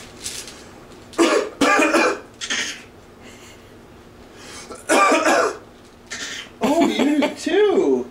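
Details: A young child playfully imitates her parents' bad cough: several short, forced cough bursts with voiced, playful sounds between them; an imitated cough, not a real one.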